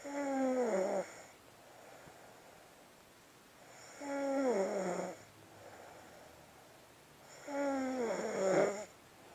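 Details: Ordinary snoring: three loud, groaning snores on the in-breath, about 20 breaths a minute, with quiet out-breaths between.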